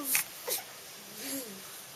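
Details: Two quick, sharp sneezes, then a brief high-pitched laugh from a young boy who finds sneezing funny, in a quiet room.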